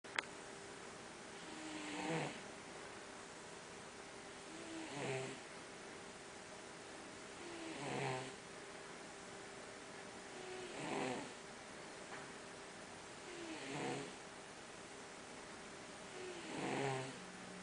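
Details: Male cat (tomcat, a working mouser) resting: soft, regular snoring about every three seconds, roughly 20 breaths a minute, over a steady room hum. Snoring in a sleeping cat.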